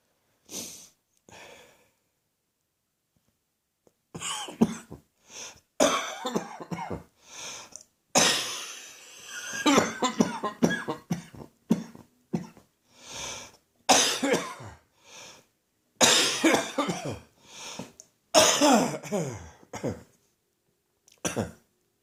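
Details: Adult with a persistent cough that won't go away, recorded in the morning: a prolonged fit of repeated harsh bursts, with brief pauses and gasping breaths between clusters.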